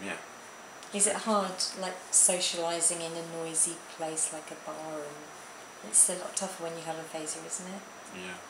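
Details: Adult speaker; normal speech.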